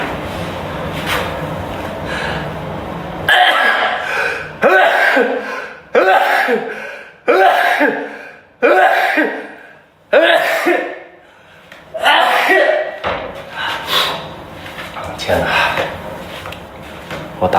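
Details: Man on a livestream, possibly allergic, giving a run of about eight sharp, explosive bursts in rapid succession, each with a quick intake before it; repeated sneezing.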